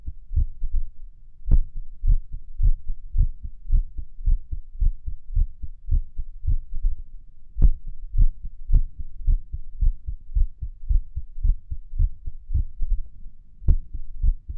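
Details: Irregular heartbeat recorded at Erb's point while lying on the stomach, listening to music: low thumps about 110 a minute, uneven spacing, a few sharper louder beats.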